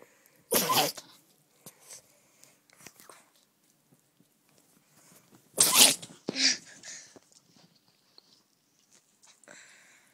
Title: Funny cute dog sneezing three times